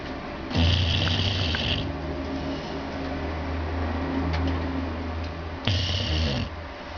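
Loud, rough snoring from a sleeping dog, two long snores over a steady low hum; ordinary snoring.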